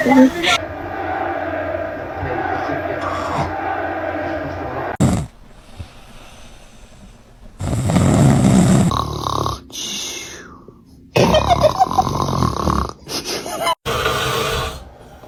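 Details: Dad snoring while his baby reacts: loud, rough snoring bursts alternating with quieter stretches, with some household sounds around them.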